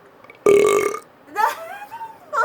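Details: A single loud, low, throaty belch from an adult father, about half a second, followed by brief vocal sounds while feeding his baby: an ordinary burp.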